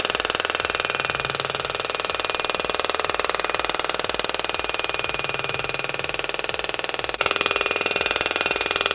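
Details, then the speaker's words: Extracorporeal shock wave therapy handpiece (Shockwave Pro) firing with tip 5 on a cellulite preset of 2500 impacts, 10 Hz and 100 mJ, on the operator's own thigh with ultrasound gel and described as painless. Loud, fast, even clicking pulses that shift briefly near the end. "so you have to use ultrasound gel so it's preset at 2500 impacts 10 hertz with 100 mj it doesn't hurt at all"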